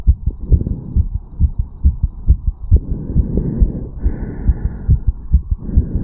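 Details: 34-year-old male after a quick morning jog, recorded at the mitral (bicuspid) valve area: rapid, regular, strong heartbeats at about 135 a minute; a normal fast heartbeat after exercise.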